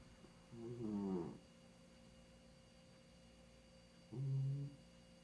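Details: 15-year-old cat snoring while asleep: two drawn-out, low, rumbling breaths a few seconds apart, with quiet pauses between them.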